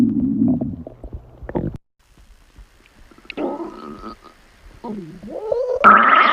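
Gurgling, rumbling and squeaky rising tones from the belly, separated by quiet gaps: ordinary stomach growling.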